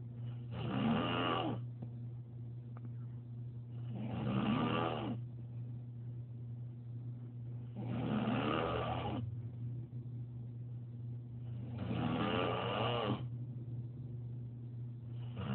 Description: My wife caught me snoring bad. This is what I put her through every single night.